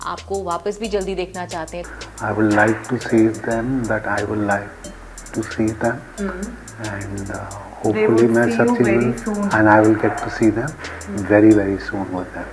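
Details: Adult man recovering after a stroke, receiving speech therapy that takes eight hours, plus yoga and a special diet, finding speaking very difficult; post-stroke aphasia.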